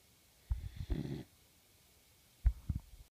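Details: A sleepy, comfortable, happy pup snoring: a short low snorting snore with a brief rumbling breath, then small snuffling puffs in a quiet room.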